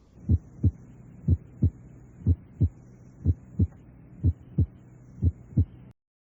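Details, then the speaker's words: Recorded (Merck) normal heart sounds at the apex, about 60 beats a minute, first sound lower-pitched and somewhat louder than the second; normal heart sounds. "escuchemos primero los ruidos cardíacos normales a nivel de la punta sitio donde el primer ruido cardíaco habitualmente es de tono más bajo y algo más intenso que el segundo"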